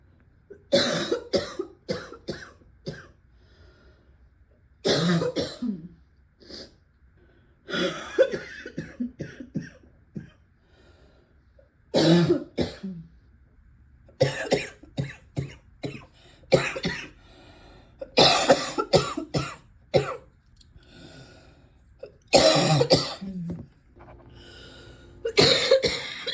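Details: Repeated deep, forceful morning coughs in clustered bouts with short quiet pauses between them.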